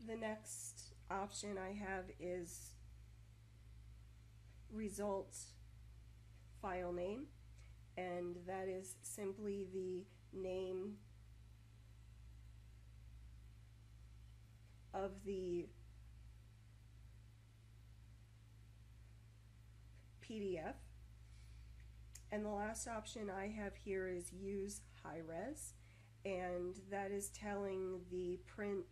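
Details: Adult woman speaking; stuttering with blocks.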